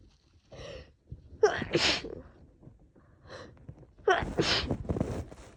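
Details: Woman with a cold combined with allergies, congested, sneezing on and off all day; two loud sneezes, each with a sharp in-breath before an explosive burst; repeated sneezing.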